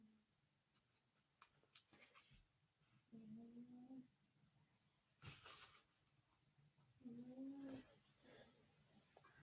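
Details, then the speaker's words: Luna snoring in the background during a livestream; snoring. "Luna snoring I don't know if you guys can hear that"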